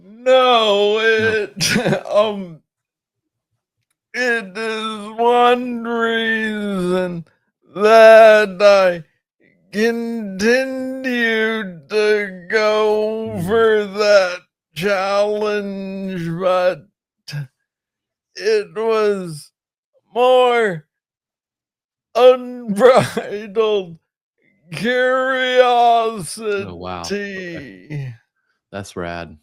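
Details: Adult man diagnosed with Parkinson's disease in 2014 at about age 35, first misread as tennis elbow; described as speaking slowly. Slow speech (Parkinson's disease).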